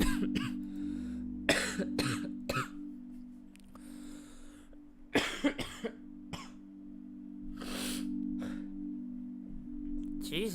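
Repeated short dry coughs and throat clearing over a steady background hum and music; an adult coughing fit.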